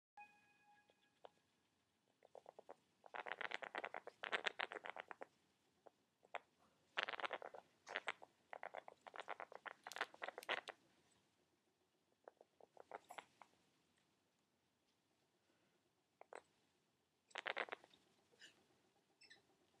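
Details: Pet male rat making repeated fine clicking, chattering noises non-stop since today; owner suspects a possible upper respiratory infection (URI); abnormal respiratory noises.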